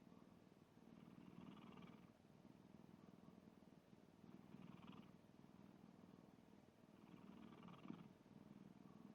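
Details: Sleeping black cat with soft, low, rumbling breaths in slow cycles, about three in nine seconds; gentle snoring with a purr-like quality.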